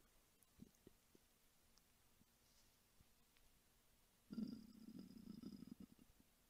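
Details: Hunger stomach rumbling from an adult woman's belly, recorded as ASMR: soft scattered gurgles, then a longer low bubbling growl of about two seconds; normal borborygmi.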